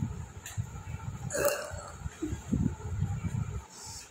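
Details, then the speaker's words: A single rough, gulping belch from quiet mouth and room sounds, followed by softer throat noises, occurring with real hiccups after not drinking water for a long while. "আর সে কিন্তু বুকিংও হলো, মানে ঢেকুরও হলো।"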